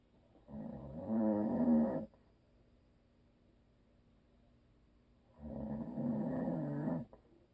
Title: ASMR EPIC SNORING DONE BY HUSBAND!! NO VIDEO.